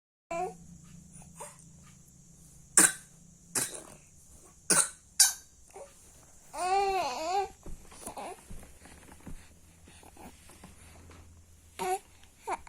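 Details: Several short, light coughs made on purpose by a young child, mixed with playful babbling; a pretend voluntary cough, not illness.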